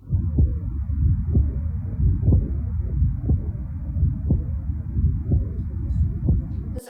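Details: Regular low heart sounds at about 62 beats a minute over a steady hum, heard through a stethoscope during cardiac auscultation; heart sounds.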